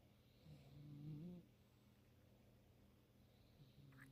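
A single soft, buzzing snore on the in-breath, then quiet breathing; a cat snoring in sleep.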